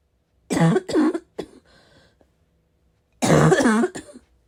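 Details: Two loud harsh barking coughs, throat clearing, pause, then another heavy cough; deep smoker's-type cough in a person who vapes, unsure whether from vaping or getting sick; barking cough.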